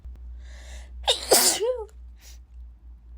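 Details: Female, sneezing repeatedly in a sudden fit she says came out of nowhere, as she normally never sneezes: a quick breath in, then one forceful sneeze with a brief trailing vocal sound.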